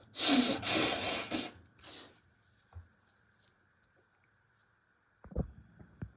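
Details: Person with tissue-induced sneezing: two loud, forceful, fast and wet explosive sneezes in quick succession, then a softer third, followed by quiet room and faint shuffling; repeated hard sneezes.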